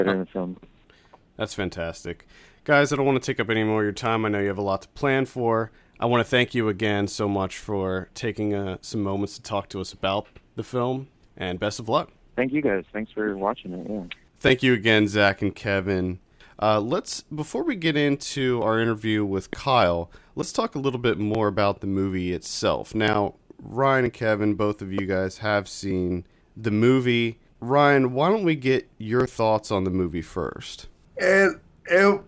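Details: Adult male speaker; ordinary speech.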